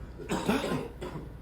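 An adult gives an acted cough on stage: one harsh burst, then a softer second burst, in a small room.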